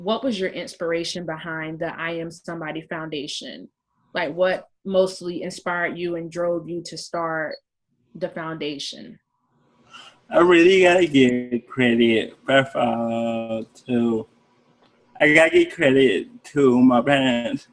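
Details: Adult man with cerebral palsy speaking in an interview; dysarthria (cerebral palsy).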